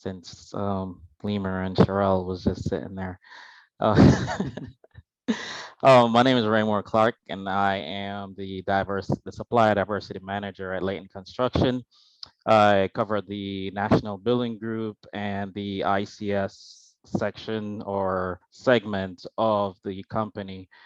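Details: Adult man speaking; Normal speech.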